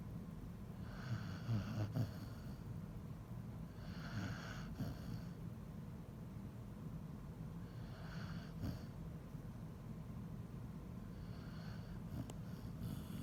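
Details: Basset hound snoring in sleep: steady low rumbling breath noise with soft snorting surges every few seconds over background hum.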